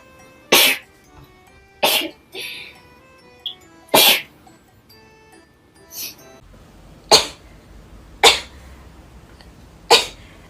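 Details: Girl sneezing, tagged allergies and sinuses: six sharp, explosive sneezes spaced a second or two apart, with soft music in the background.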